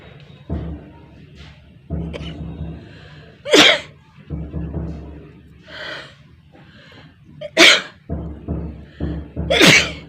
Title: #sneezing 🤧 nose blowing challenge #funny video #requested video# part -2অনেক কষ্ট হলো🤧